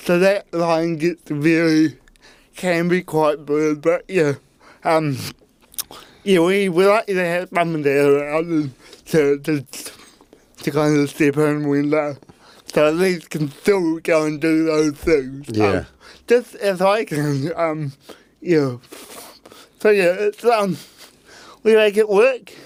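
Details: Adult man with cerebral palsy since birth; at birth his parents were told he would never walk or talk, and he had intensive therapy from birth to age six for walking and talking; dysarthria (cerebral palsy).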